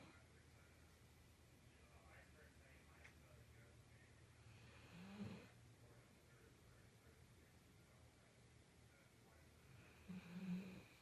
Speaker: She snores when she sleeps, but it was kind of a bad day. So Miss Mam is making lots of Z's.